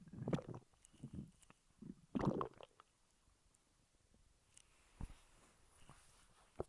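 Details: Stomach growling, borborygmi: low gurgling, squishy rumbles in irregular bursts with quiet gaps; ordinary gut sounds.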